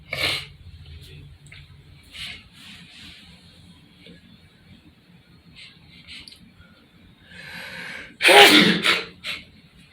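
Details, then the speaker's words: Sniffs and a building inhalation, then one loud explosive sneeze in an echoing bathroom; single sneeze, speaker suspects allergy season. "Allergy season, man. Must be."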